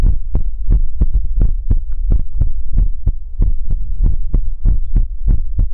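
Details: Heartbeat sounds in a Chinese ASMR livestream: loud, steady low thumps in paired beats, about 85 to 90 a minute, with a faint hum underneath; a regular heartbeat rhythm.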